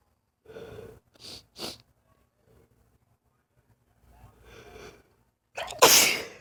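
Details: Lifelong, unexplained sneezing fits lasting 3-5 minutes, not allergic and without itching: short breaths and catches building to a forceful sneeze within a bout of repeated paroxysmal sneezing.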